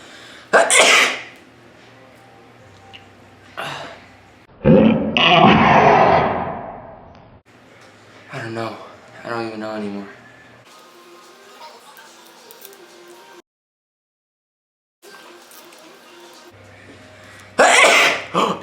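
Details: Three loud, sharp sneezes with quick intakes, separated by quieter breathing; person trying to keep eyes open while sneezing.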